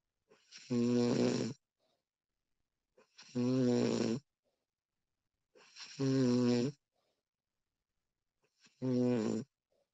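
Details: Woman recorded while asleep, extended one-hour looped recording: regular loud, voiced snores on each inward breath, about 23 a minute, with silence between; snoring.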